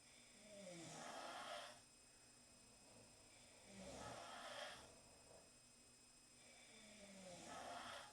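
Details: Four girls snoring together in the same room after a long night at centrifuge; three slow, regular breaths at about 19 a minute, each with a soft fluttering snore.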